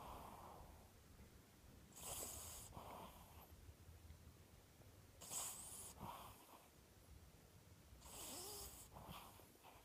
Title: Snoring... 2/28/15